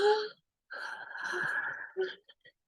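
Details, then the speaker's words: Vocal imitation of a wheeze in a nursing lecture on fluid overload: a sustained, high, whistle-like breath, described as heard on breathing in, presented as a sign of fluid overload. "you will hear reeing and they you will hear that kind of when they breathe in it's like a whistle when they breathe"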